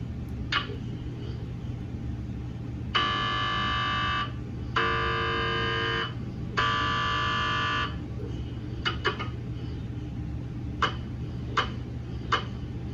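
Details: GE MRI scanner running daily QA system verification scans on a 150mm head TLT phantom (GE head or brain coil, not a patient): loud buzzing tones in three roughly one-second runs, then scattered sharp knocks over low room hum; gradient noise.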